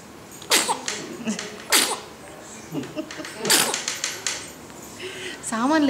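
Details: Sneezing: about three sharp, hissy sneeze-like bursts spaced a second or two apart, with people talking in the background.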